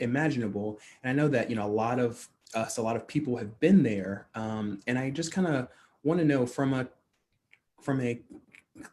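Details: Adult man who stutters, speaking in a real, unscripted conversation: stuttering.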